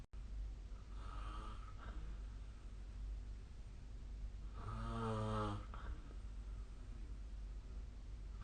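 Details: Loud rattling snores on breathing in during sleep, over steady room noise, recorded with the SnoreLab snore-tracking phone app.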